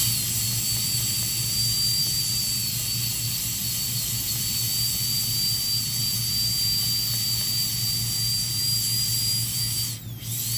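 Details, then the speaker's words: Steady high-pitched dental drill whine with low room hum, then stopping: widening a primary molar's access cavity with outward bur movements to expose the canal orifices during pulpotomy de-roofing. "Now always we do outward movements. We don't go downwards when you're cutting. The direction of your movement of the burr should be outwards."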